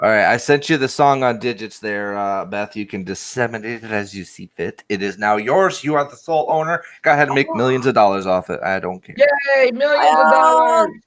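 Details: Adult speaker; normal voice.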